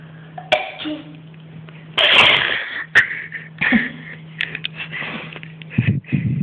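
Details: Two sharp, explosive sneezes with short gasps and throaty sounds between them, over a steady low hum in the room: sneezing.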